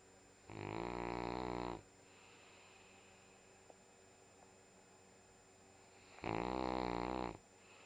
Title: Sunday snoring!